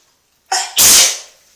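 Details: One loud sneeze in a bathtub: a quick in-breath, then a forceful hissing burst echoing slightly off hard walls.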